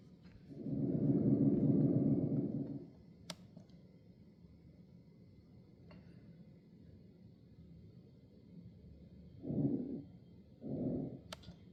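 Soft blowing breath sounds from a training mannequin: one long breath, a pause, then two shorter breaths, with faint clicks in a quiet room.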